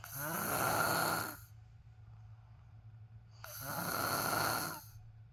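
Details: Two loud, rasping snores on breathing in, roughly 3.5 seconds apart, with a steady low hum in the room; snoring loud enough to keep another person awake.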